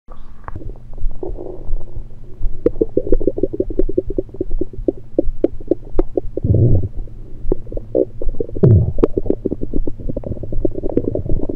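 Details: Abdomen recorded with a USB electronic stethoscope: frequent bubbling gurgles and low rumbles with a few longer rolling gurgles; active bowel sounds from liquids and air rather than digestion, according to the recorder.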